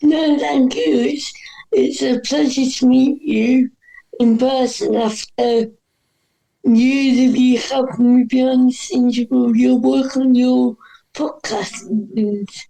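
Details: Dysarthria in an adult woman with cerebral palsy, which is stated to affect her voice; she says her disability is audible as soon as she speaks.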